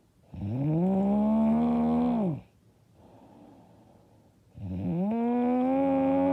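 Two loud, harsh, drawn-out snores on breathing in, separated by a quieter breath out. Heavy snoring.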